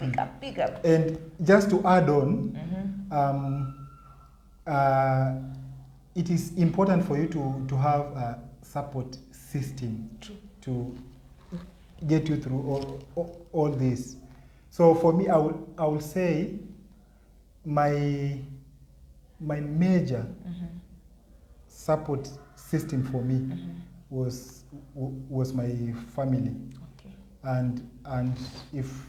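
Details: Adult man with stuttering (stammering), severe in primary school; nervousness amplifies his blocks, and he is registered as a person with a stammer disability.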